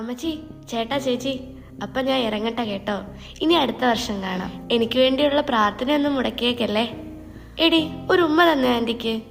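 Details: Adult woman speaking Malayalam in an acted short film, soft background music; no speech disorder.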